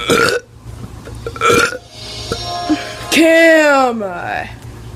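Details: Teenager doing deliberate burps on camera: loud voiced burps, including one long drawn-out belch, with background music; voluntary burping.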